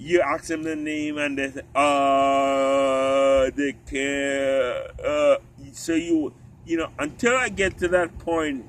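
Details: Ataxic dysarthria in an adult man with genetic spinocerebellar ataxia type 3, which affects the cerebellum, walking, talking and swallowing; his father had it and died from it.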